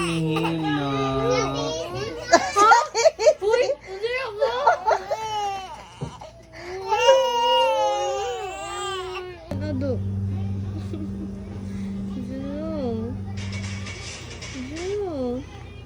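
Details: Baby crying in rising and falling wails with an older sister, with background music and adult voices; infant crying.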